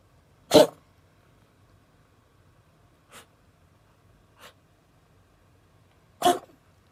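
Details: Cat with a strange cough that seems painful: two sharp, explosive bursts several seconds apart with two softer puffs between, in a quiet room; a short, harsh cat cough.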